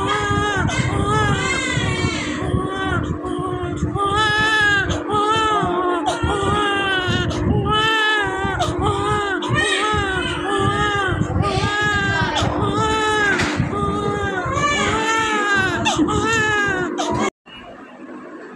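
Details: One-day-old newborn crying: short, repeated wails with rising and falling pitch, separated by quick breaths.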